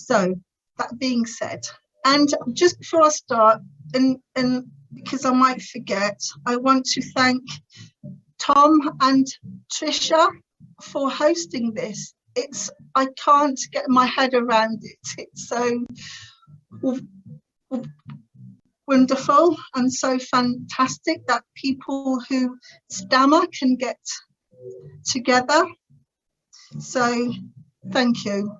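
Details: Adult woman's stuttering (stammer) since about age three, described as uncontrollably bad, with teenage years when she could hardly put two words together; later attended the Starfish Project speech therapy course to gain control.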